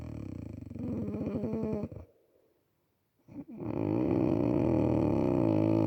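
Loud fluttering, vibrating breath sounds, a brief silent pause, then another long rattling snore; heavy snoring.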